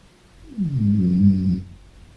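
A single soft, low rumbling breath lasting about a second, typical of a light snore.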